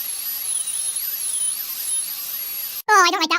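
High-pitched whine of a dental drill rising and falling in pitch for about three seconds, followed by a brief burst of speech.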